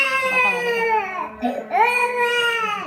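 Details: Loud, sustained crying with a brief catch for breath midway from an infant with a productive cough for 2 days, held down while inhaling hot eucalyptus-oil steam as a home remedy; strong, distressed crying.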